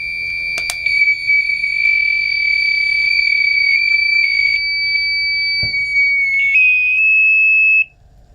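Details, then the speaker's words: LVAD controller alarm during a controller-exchange demonstration with the driveline disconnected: steady high-pitched electronic tone with brief chirps, then silenced once the driveline is plugged in. "your silence buttons to silence the alarms once you have the drive line firmly plugged in"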